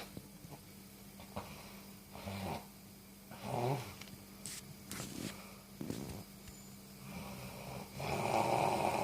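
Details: Irregular soft snorts and rattling breaths over steady room hum, ending in a longer noisy breath: light, uneven snoring.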